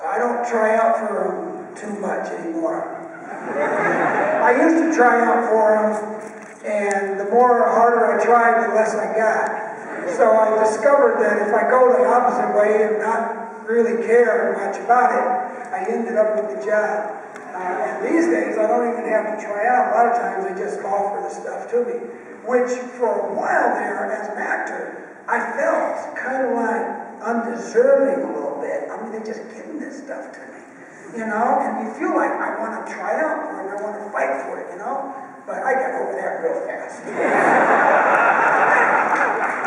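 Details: Adult male with unilateral vocal fold paralysis from a neck injury after running into a clothesline at about age 9; one vocal cord bowed, one paralyzed, with excess air escape; voice breathy and rough, unchanged ever since.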